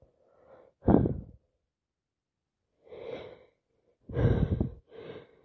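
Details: Repeated sneezing with loads of sniffing during a cold: several short nasal bursts and sniffs, including two sharper sneeze-like snorts, in a quiet room.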